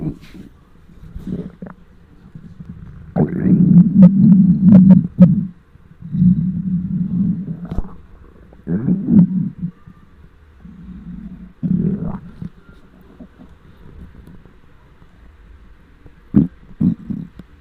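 Irregular deep growls and gurgles from the stomach, some long and rolling, some short: ordinary hunger rumbling of the bowel.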